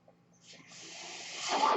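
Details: Real recording of a podcast host speaking while using his own mechanical ventilator; the ventilator's breathing noise is audible in the background during speech. Mechanical ventilator breath.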